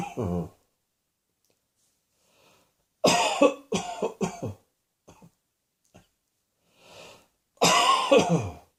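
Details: Coughing in a quiet room: harsh cough bursts, a single cough, a run of three quick coughs, then a longer forceful cough.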